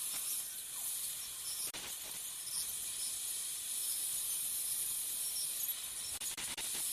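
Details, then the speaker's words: Ultrasonic piezoelectric bone saw making vertical and horizontal crestal osteotomies for sinus technique, about 5 mm distal to canine root, light sweeping motion; steady high-pitched hiss with a few brief breaks. "what's nice about this particular saw design that it that it has actually teeth cutting in vertical as well as the sagittal Direction so as again as with the sinus window osteotomy there's very little pressure just more of a sweeping motion"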